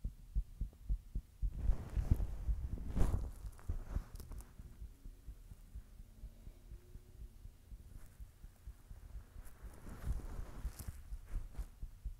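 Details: Person's own heartbeat: soft, low, repeated thumps under rustling and handling noise, with a rate that cannot be reliably counted.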